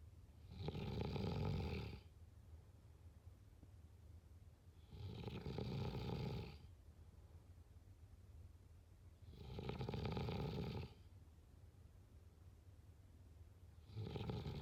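Deep, rattling snores on each breath in, about four in fifteen seconds, with quiet breathing out between them; ordinary snoring in sleep.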